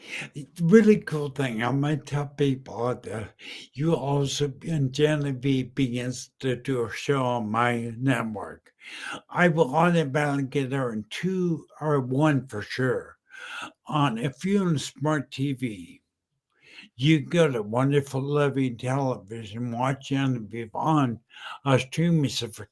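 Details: Adult male stroke survivor about 10 years post-stroke: apraxia of speech, identified by his mentor, with dysarthria; speech was totally unintelligible at first and remains impaired.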